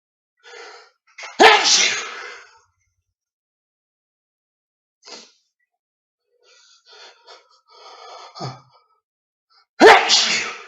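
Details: Two loud, explosive uncovered sneezes, each preceded by a sharp intake of breath and separated by quiet breathing; real but deliberately induced sneezes, recording slightly edited.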